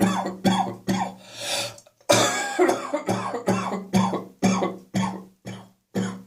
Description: Coughing and spitting in the evening after coming into the warm house from the cold outside air.